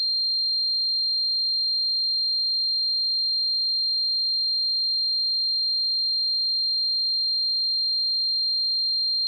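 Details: Simulated tinnitus sound effect: a steady, unbroken high-pitched tone throughout, imitating the ringing heard in tinnitus.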